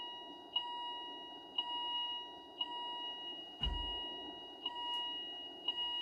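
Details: Philips IntelliVue MP30 patient monitor alarm with a ZOLL E Series defibrillator, sync and charge pressed manually after a no-shock-advised decision, on a simulated ECG rhythm: steady high alarm tone with regular beeps about once a second.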